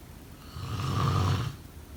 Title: Snoring sound…